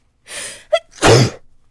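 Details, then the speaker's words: Single sneeze from a woman after sniffing chhinkni (sneezing powder), while talking: sharp breath in with brief voiced catch, then forceful explosive burst of air. "ah it's so hard for me to announce my sneezes because I'm not sure that I am going to until it's like on top of me"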